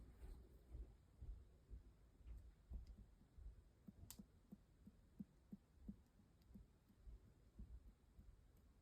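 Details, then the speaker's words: A nurse percusses all around a patient's abdomen during an assessment; a series of short, hollow finger taps gives tympany, with dullness expected only over the liver and spleen. "noting for dullness. And you should hear tony all over and then dullness over organs like the liver and the spleen."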